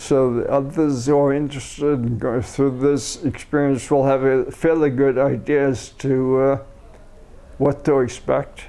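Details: Adult man with a neurodegenerative disorder first diagnosed as cerebellar ataxia, later rediagnosed as multiple system atrophy, recorded in week four of umbilical cord blood stem cell treatment in China, seeing a speech pathologist; dysarthria in multiple system atrophy.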